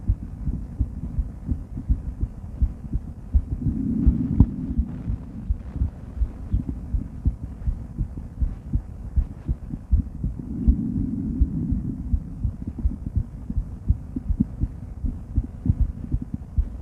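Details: Normal heart sounds of a female, auscultated with various stethoscopes at Erb's point, mitral, tricuspid, aortic and pulmonic areas: steady, slightly muffled heartbeat about 83 a minute with low stethoscope rustle.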